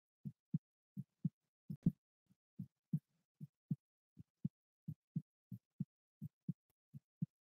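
Steady low double thumps, about 72 beats a minute, regular rhythm: a normal heartbeat.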